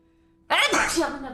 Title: Sneezing Girls Compilation (comments have full videos)